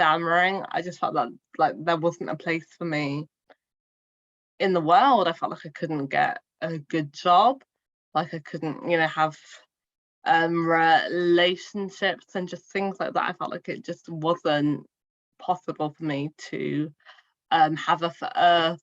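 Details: Adult woman who stammers, speaking in a podcast interview; finding: stuttering.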